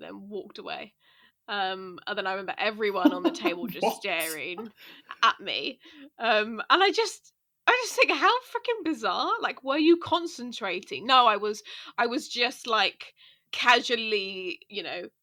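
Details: Adult podcast co-host who stammers, with audible part-word repetitions; stammering.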